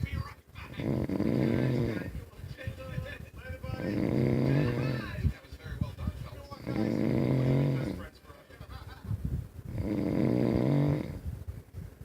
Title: Husband snores louder than the TV at night